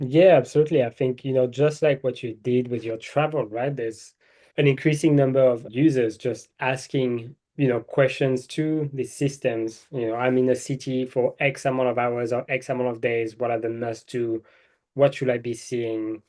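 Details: Adult man speaking; normal voice.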